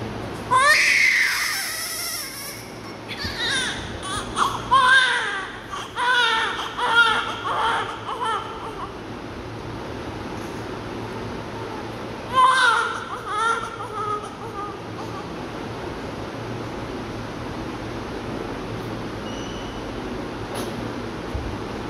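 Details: A newborn cries in loud, high-pitched bursts with quieter whimpers about 30 seconds after birth, with suction mentioned; newborn cry.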